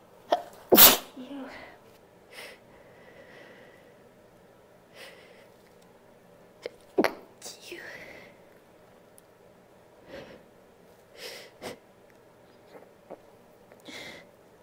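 A loud sneeze, then a second sharp one, with several smaller stifled sneezes and sniffs in a quiet room; repeated sneezing.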